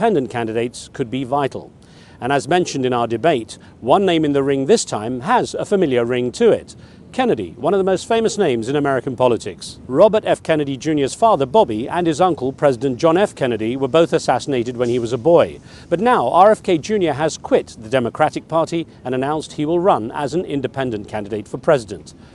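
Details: Adult male narrator; normal speech.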